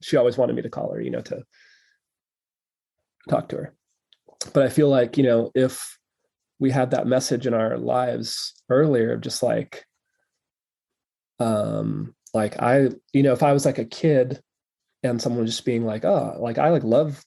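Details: Stuttering in an adult male who has stuttered since childhood and now stutters openly, in real conversational speech.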